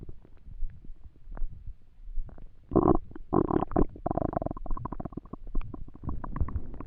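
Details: Stomach rumbling (borborygmi) while trying to sleep with an empty stomach: gurgling, bubbling hunger rumbles.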